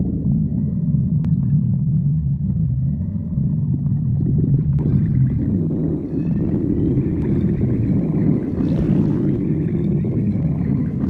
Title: Tikal stomach growling